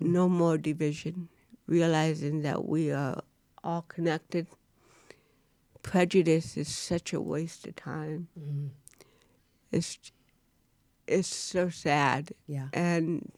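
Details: Real-life speech from a woman, an actress, who has cerebral palsy; dysarthria (cerebral palsy).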